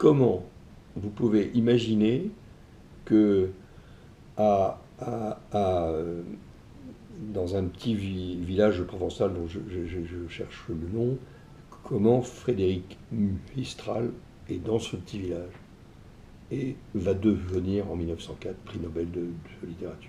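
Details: Adult male publisher with self-reported stuttering; he says it sometimes blocks his speech, especially when emotion is strong. Finding: stuttering.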